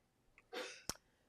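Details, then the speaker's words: Woman about 95% recovered from illness gives a faint, distant cough, a breathy rush then a sharp burst; described as a lingering cough, like something hung in her throat, that keeps going once started. "I don't know if you could hear that or not, but it's just like a lingering cough that it's like she gets like something hung in her throat and then it makes her cough."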